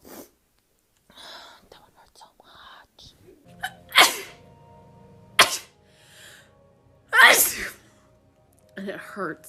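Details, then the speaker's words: A person says moving things around and dust in the laundry room make them sneeze, and that it really hurts; three forceful sneezes, each after a quick in-breath, with whispered talk and quiet music between. "uh moving things around makes me sneeze all the dust that's up in this laundry room is making me sneeze"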